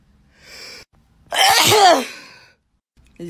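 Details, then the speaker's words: Short indrawn breath, then one loud, forceful sneeze triggered by a self-administered Covid-19 PCR nasal swab test; the person says they just sneezed twice. "i just sneezed twice hold on it snows i can't anymore"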